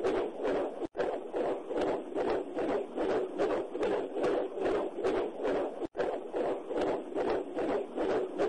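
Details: Fetal heartbeat: rapid, regular whooshing pulses at about 150 beats per minute, a normal fetal rate.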